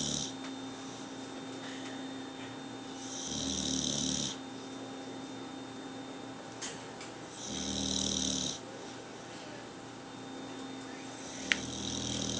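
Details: Bulldog asleep with eyes open: three slow, rough snoring noises, each about a second long, over a quiet room with a steady faint hum; snoring.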